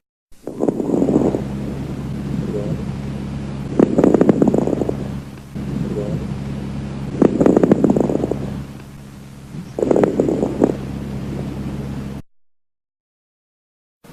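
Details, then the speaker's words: Breath sounds with soft, brief, discontinuous crackling pops, best heard on inspiration and not cleared by coughing, located at the lung bases (lower lobes): crackles (rales). "Estertores. Sonidos crepitantes, suaves, breves y discontinuos. Se escuchan mejor en la inspiración y no desaparecen con la tos."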